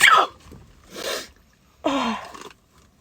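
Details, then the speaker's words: Sneeze in a staged prank: a sharp, forceful burst of breath, then a gasping sound, as the other person asks "Did you just sneeze on me?" "Did you just sneeze on me? >> I can taste it."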